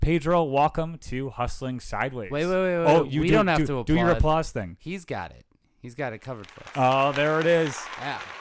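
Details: Adult male speaker; typical speech.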